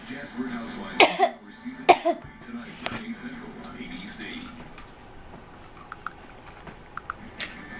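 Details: 30-week-old baby fake coughing, as he does on occasion when bored, frustrated or wanting attention: a few short, throaty cough-like bursts; voluntary cough, not from illness.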